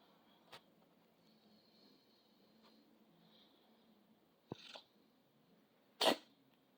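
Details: Jade, a healthy cat, sneezing after being petted: a few small snuffles, then a sharp explosive little sneeze.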